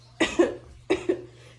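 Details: Two short pairs of quick, dry coughs with no rattle or mucus in a quiet room; dry irritative cough from throat irritation in a woman being treated for hyperthyroidism (overactive thyroid).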